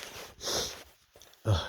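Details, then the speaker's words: Male with nose tickling, unsure if a cold or allergies, sneezing repeatedly: two quick, explosive, breathy bursts close together with a sniff between; rapid sneezes. "oh man it's like multiples they're coming coming like triples it's crazy"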